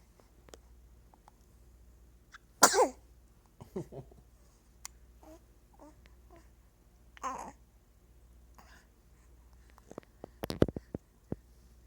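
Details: 5-week-old baby: one sharp, explosive sneeze followed by quieter sniffs and small vocal sounds in a quiet room; an ordinary sneeze.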